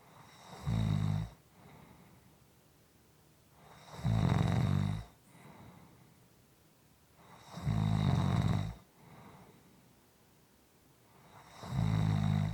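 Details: Soft, quiet sleep snoring: regular low rumbling snores on each in-breath, about 16 breaths a minute, with quieter breaths out between.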